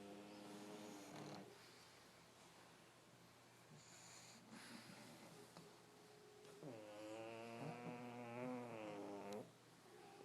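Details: Several sleeping pugs in a pile: overlapping snorting and grunting snores with sniffling and long, rough, tonal breaths; snoring.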